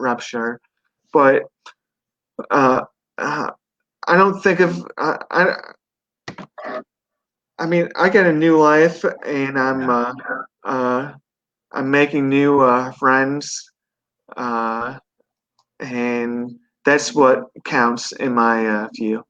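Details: 42-year-old man who had a stroke at 17 from an artery branch rupture during surgery for a benign brain tumor, followed by induced coma, global aphasia and right-sided paralysis; he relearned speech and has residual aphasia with word-finding difficulty.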